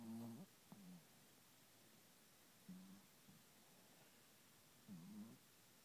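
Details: A person snoring with eyes open: three low, rough, droning breath sounds roughly two seconds apart against a quiet background.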